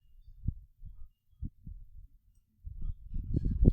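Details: Soft, low thumping heartbeats with a somewhat uneven rhythm, then a louder low rumble in the final second; heart sounds in a cardiovascular lab.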